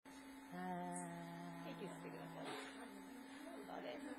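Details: Adult voice; Vocal fold polyp voice.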